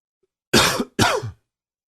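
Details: A plain cough: two harsh, forceful coughs in quick succession with a throat-clearing quality.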